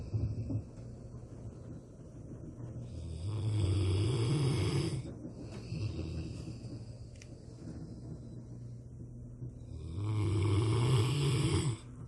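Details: Rottweiler (large dog) snoring loudly during a daytime nap: deep, loud rumbling snores repeating slowly with quiet pauses between breaths.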